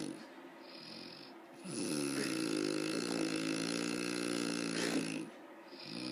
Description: Mother snores loud